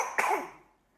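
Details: Hospitalized infant with suspected but unconfirmed whooping cough (pertussis), unvaccinated, who had choking spells turning blue. A single short, wet-sounding cough that fades quickly into quiet.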